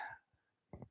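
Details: Man with a partly lost voice who needs to clear his throat every couple of minutes; throat clearing.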